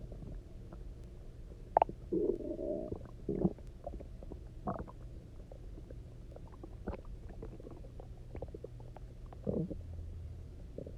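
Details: Loud, resonant gurgling and rumbling bursts from the stomach after eating basically nothing for 24 hours, then drinking a lot of water and lying on the side; hunger borborygmi (stomach growling).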